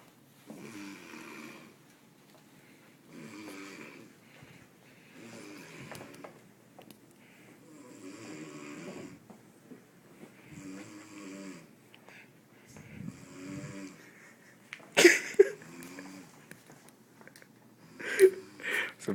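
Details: Steady, rattling snores about 20 breaths a minute from a sleeping adult man said to be inebriated, recorded around 3:30 am, with a couple of louder noises near the end; snoring.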